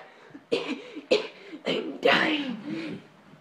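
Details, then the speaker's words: Vlogger, sick all day with coughing and sneezing but admitting a wish to miss school: four abrupt, harsh coughs in quick succession, the last longer and trailing into a voiced groan. "and so i've been sick all day like coughing my throat out and sneezing the atlantic ocean out of my nose"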